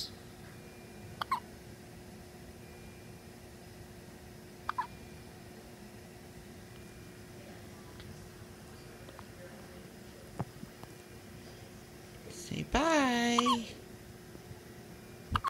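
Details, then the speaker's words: One-week-old baby with hiccups: several brief, sharp hiccup sounds and one short voiced squeak in a quiet room. "Oh, those hiccups. Lots of hiccups, huh? Got lots and lots of hiccups."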